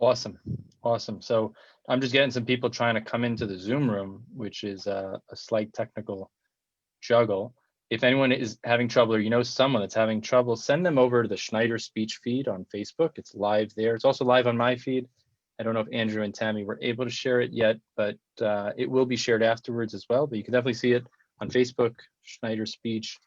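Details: Adult male speaker; normal fluent speech.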